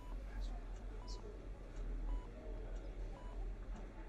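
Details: Patient with catatonia, rated 1 on the Bush-Francis Catatonia Rating Scale mutism item, whispering incomprehensibly so the examiner cannot make it out; mutism with incomprehensible whispering (catatonia).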